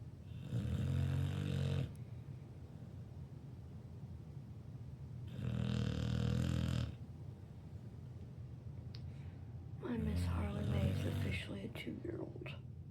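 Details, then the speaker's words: 2-year-old dog snoring in her sleep, said to sound like a chainsaw: three loud, rough, rattling snores of one to two seconds each, with quiet breathing between them. "And this little snore that she does when she's sleeping, that's just her. That's my baby girl, Miss Harley May."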